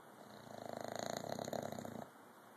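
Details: A Bulldog snoring loudly during its first morning nap: a single loud, rattling, fluttering breath lasting about a second and a half.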